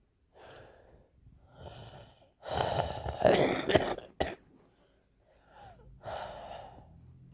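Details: Noisy, gasping breaths with a faint whistling edge, a deliberately produced imitation of wheezing.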